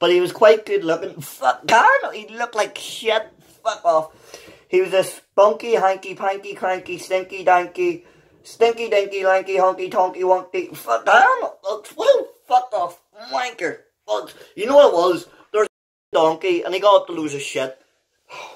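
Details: Adult man with Tourette syndrome whose involuntary vocal tics, including vulgar words, interrupt his reading of a children's book aloud; Tourette syndrome (vocal tics).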